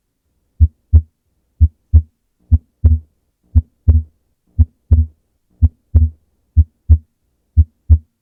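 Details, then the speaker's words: Teaching example of physiological splitting of S2: regular heart sounds near 58 per minute, with S2 split into A2 and P2 on inspiration and merging into a single sound on expiration. "In contrast, during expiration, the P2 sound occurs closer to the A2 sound, and in some instances it occurs so close to the aortic valve closing that it combines to form a singular S2 sound."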